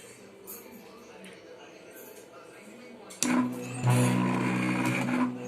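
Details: Low-cost automated Ambu bag compressor used as an emergency mechanical ventilator during the Covid-19 outbreak; after quiet room noise an electric motor starts with a steady humming drone.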